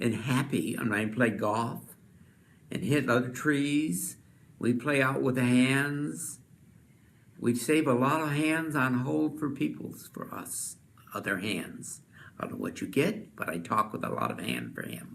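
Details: Man with Wernicke's (receptive) aphasia, speaking fluently but with jargon-filled, incoherent speech in recorded conversation; Wernicke's aphasia.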